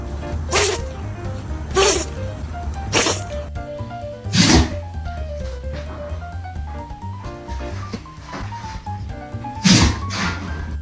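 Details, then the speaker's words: Dog sneezing during allergy season; a run of five sharp, explosive sneezes at irregular intervals, with music underneath. "allergy season why does my dog sneeze like this"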